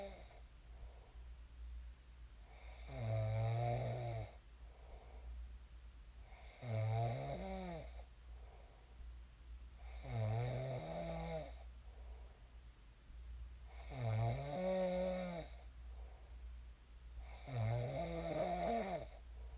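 Loud, rattling snores with each breath in, about 16 a minute, separated by quieter breathing over a steady low room hum.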